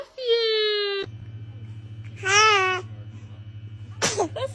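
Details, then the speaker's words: Babbling baby voice and a sharp burst near the end, consistent with an infant sneeze, over a steady electrical hum. "baby is a dramatic sneezer check"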